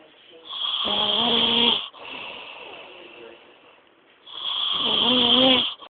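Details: Person asleep, loud snoring: two long, high-pitched, whistling and buzzing breaths with a quieter airy breath between them.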